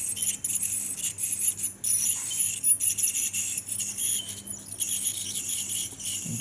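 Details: Steady high-pitched hiss and whine with brief breaks from an ultrasonic scaler removing tartar during a whippet's dental cleaning under light general anaesthetic; some gum bleeding from infection and gum recession noted.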